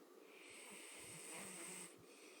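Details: Black man, first to fall asleep, snoring: a faint, rattly snoring breath in a quiet room with a steady background hiss.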